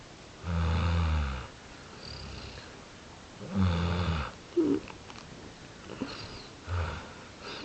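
Low, rumbling, fluttering snores recur every few seconds, broken by a few brief squeaks and clicks.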